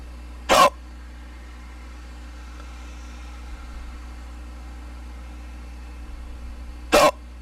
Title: Hiccups male(audio only the Celtic file)